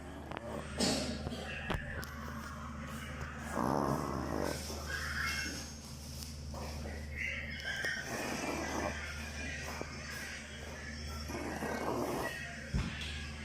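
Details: Sleeping pug snoring: rough, snorting breath noises recur every few seconds over a steady background hum.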